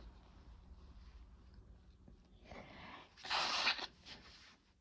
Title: Chhinkni Sneezes 5 (nb)